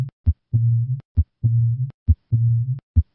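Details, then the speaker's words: Cooing dove murmur of aortic regurgitation at the left sternal edge: regular heart sounds about 67 a minute, each followed by a musical, humming diastolic murmur like a cooing dove. "The origin of this murmur is controversial, with some evidence indicating that it is due to the vibration of the abnormal aortic cusp, while other observations suggest that it is due to vibrations of the posterior aortic wall. Listen once again to a cooing dove murmur of aortic regurgitation."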